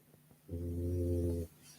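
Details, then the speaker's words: A single low, rumbling snore lasting about one second from Rosie, a sleeping dog described as a loud snorer; snoring. "snoring and I don't even know where Rosie is she's probably on my bed making go Whirlpool she's very loud that's quiet Connie she's not even got to full deciel yet can you imagine sleeping with that"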